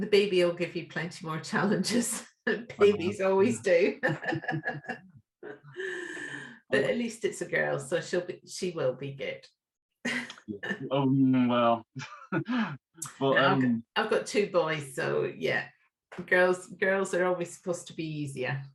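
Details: Adults in conversation; normal speech.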